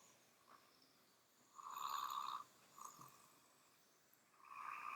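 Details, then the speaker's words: Snoring from a sleeping animal (Polly): high, whistling snore sounds in short bursts against quiet room noise, with a knocking sound. "you hear it's Polly snoring first you can hear that as this into the news and then all of a sudden the news goes awful knocking holy fear her oh she's just like your mom she snores"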